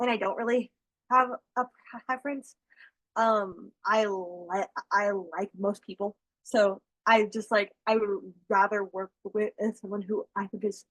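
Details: School-age girl who stutters, real person receiving speech therapy that teaches strategies such as slow speech; stuttering.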